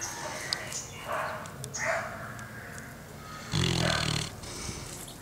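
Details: Sleeping Labrador dog gives a few soft snuffling breaths, then one loud rattling snore, with faint room noise; snoring.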